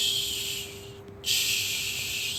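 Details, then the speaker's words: Vocal imitation of the crescendo-decrescendo ejection systolic murmur of aortic stenosis, given by a lecturer as a voiced hissing whoosh. "so if I have to show a sound of the ejection Starlet Mama it'd be something like"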